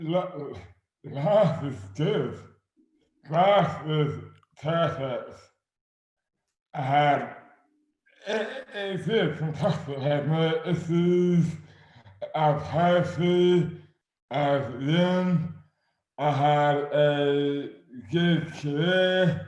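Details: Adult man with dystonia; slurred speech began suddenly overnight after a night out on the May bank holiday 2008, without known cause; hands also affected; speech dramatically impaired; dysarthria due to oromandibular dystonia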